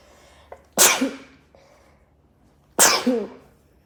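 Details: Person sneezing into their shirt: two sharp, explosive sneezes a couple of seconds apart, each with a quick breath in before it, slightly muffled by cloth; ordinary sneezing.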